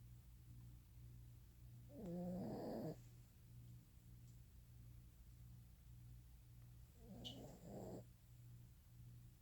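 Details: Sleeping female Italian Greyhound dog snoring: two soft snorting, fluttering snores about five seconds apart over a low steady room hum.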